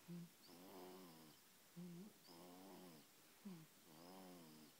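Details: Snoring at 7 weeks of age: soft, regular snoring with a rough buzz on each breath, about 36 breaths a minute, each starting with a brief snort.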